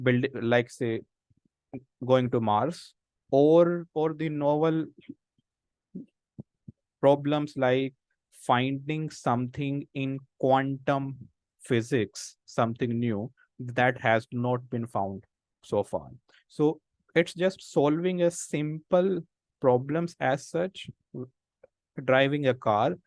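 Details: Adult man who stammers, senior volunteer of a self-help association of people who stammer, with audible word repetitions in an online talk; stammering.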